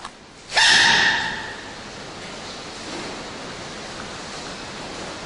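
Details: Baby panda sneezing: a single sharp, hissy burst of air followed by quiet room noise, startling its mother.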